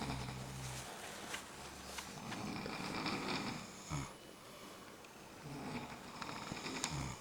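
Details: Snoring contest at a hot spring event: deep, rattling snoring bursts over crowd noise, possibly performed on purpose.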